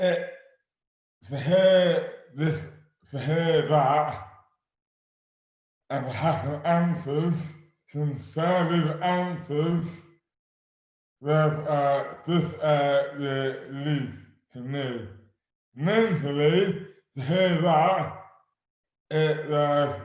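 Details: Adult man with dystonia causing dysarthria (oromandibular dystonia); speech became slurred suddenly overnight in May 2008 without known cause, about 12 years before this 2020 recording; speech is severely impaired and his hands are also affected.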